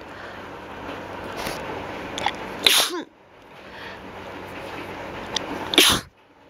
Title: slight allergy and some induced sneezes